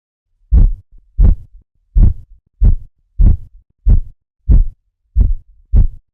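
Nine regular, sharp low tapping sounds at about 92 a minute: Korotkoff sounds during a blood pressure reading.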